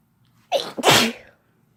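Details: Single sneeze, no talking: a brief indrawn catch, then an explosive burst of air, in a quiet room.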